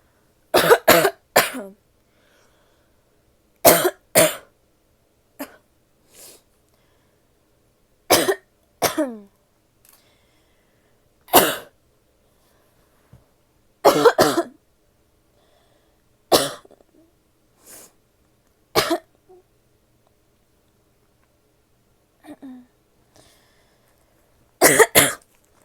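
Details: An adult woman coughs repeatedly, about eighteen short, explosive coughs in small bouts, in a quiet room.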